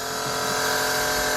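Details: A steady, loud buzzing hum of a nebulizer compressor running during a home inhalation treatment for a child with a viral illness and cough, who is told to breathe in and out via mouth and nose.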